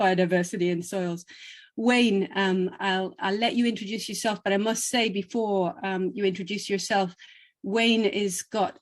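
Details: Adult woman speaking; normal voice.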